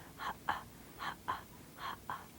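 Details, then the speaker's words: Vocal imitation of a breastfed baby's normal swallowing: soft, short 'kuh-ah' puffs in three pairs. There should be a swallow with every suckle or every other suckle, slowing when the baby rests or feels full. "There should be a swallow with every suckle or every other suckle. Swallows slow down when baby wants to rest or when baby feels full."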